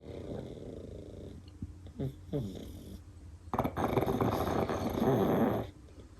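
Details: Two pugs snoring while napping on pillows: rough, rattling snores from the sleeping dogs, with a loud sustained snorting snore in the second half.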